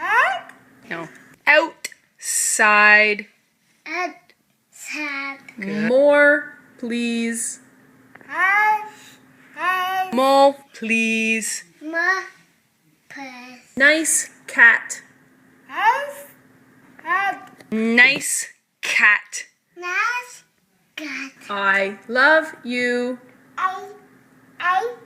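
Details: Boy about 3 years old diagnosed with verbal apraxia, a motor planning disorder; about 10 very short words before treatment; recorded before starting speech therapy; childhood apraxia of speech.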